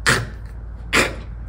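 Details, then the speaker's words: A dog gives two short, harsh coughs about a second apart, a true cough from the lower airway, presented by a veterinarian explaining dog coughs. "다만 기침 역시도음 너무 심하지 않는다면 조금 지켜보셔도 되기는 해요 기침 역시 기도에 뭐 제체기 럼 뭐 분비물들이 바이러스 기타 등등 어 안 좋은 물질들이 들어갔을 때 그걸 배출해 내기 위한 반사 적용일 수도 있기 때문에"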